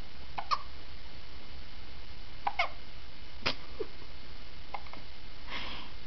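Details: Infant hiccups: short, sharp catching sounds recurring every second or two over quiet room hum, while the baby is smiling and happy.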